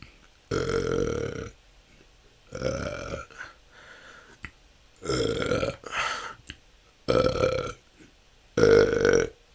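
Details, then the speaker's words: Person recording ten continuous minutes of natural, frequent belching that can go on for hours: five long, loud voiced belches in about ten seconds, one after another; excessive repeated belching (eructation). "my last burping video didn't have as good audio so I am going to do this again 10 minutes of burping starting now"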